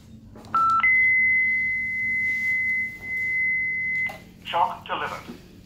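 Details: Philips DFM100 defibrillator charging during application training, after connecting the ECG cable and selecting 150: brief beeps, then a steady high tone about three seconds, with voices nearby.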